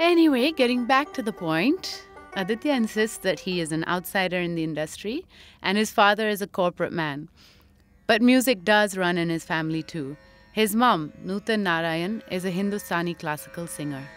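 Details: Adult woman narrating over background music; ordinary speech.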